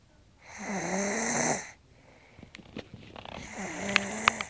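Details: Two loud, rough, buzzing inhaled snores from a woman, with a quiet gap between them and faint room noise; she snores like a man; ordinary loud snoring.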